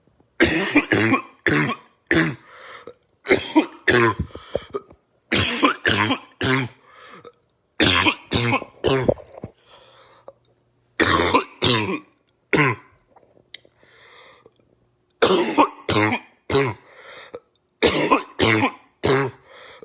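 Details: Compilation of barking coughs: repeated bouts of harsh, loud coughs, several quick coughs per bout, with a hoarse, barking quality.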